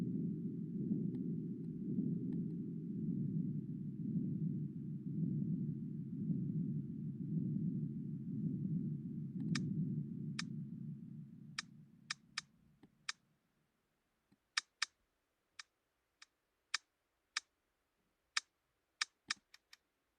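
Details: Simulated sound replicating what a patient hears, made by a tinnitus sound-mimicking program: low rumbling thumps fading into sharp, irregular ear clicks, imitating middle ear myoclonus (stapedius/tensor tympani) clicking.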